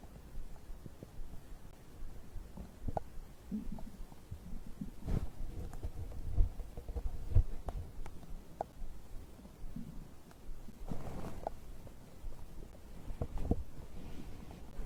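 Low irregular gurgles and rumbles of stomach growling during digestion after a drink.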